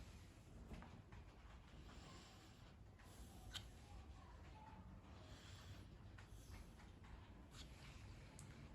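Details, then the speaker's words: Normal vesicular breath sounds on teaching auscultation of the posterior chest: soft, low-pitched, low-intensity rustling murmur over the peripheral lung and bases, heard best on inspiration. "Encontramos el murmullo vesicular. Este es un sonido de baja intensidad, tono grave, como un murmullo que se localiza en el pulmón periférico, en su base y se escucha mejor en la inspiración."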